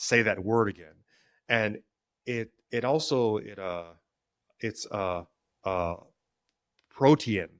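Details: Stuttering in an adult man, present since childhood; he describes it as situational, worse with stress and before authority figures, and links its triggers to past trauma.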